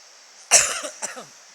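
An adult gives one sharp, forceful cough followed by a brief second burst, in a quiet indoor room; a single isolated cough.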